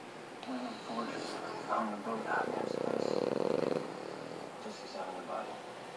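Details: Rattling, fluttering snores and snuffling with a purr-like vibrating stretch from a sleeping French bulldog; snoring.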